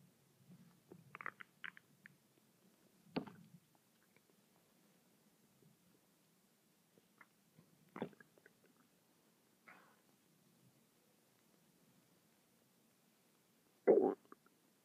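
Quiet room with scattered brief gurgles and squelches from the belly, several short bursts over fifteen seconds; ordinary bowel sounds.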